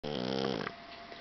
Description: this is how my blue persian tomcat sleeps :) and snores :D